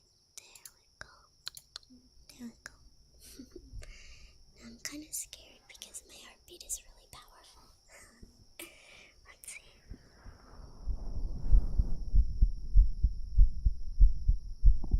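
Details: Soft whispering, then regular low heart thumps at about 95 beats a minute, described as "so fast".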